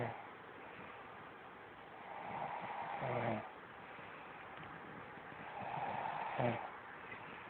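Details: Girlfriend snoring: two soft rasping breath sounds about three seconds apart over steady room hiss, ending in brief low buzzing.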